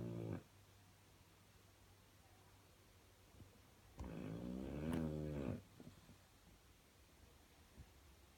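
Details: Quiet room with one low, rumbling snore lasting about a second and a half: dog snoring.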